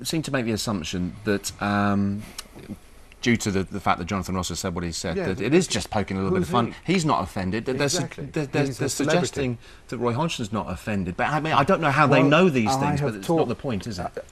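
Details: Adult man with a stammer, chair of a national stammering association, speaking English in a TV interview; stuttering.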